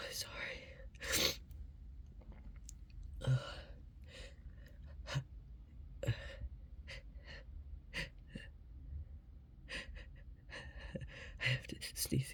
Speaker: sneeze again. Excuse me. Oh, sorry. Excuse me. I have to sneeze again. Oh God. Sorry.